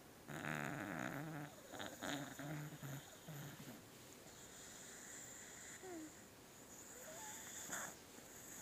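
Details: Sleeping beagle: rough, rattling breathing sounds with some squeaky whistling noises between them; snoring.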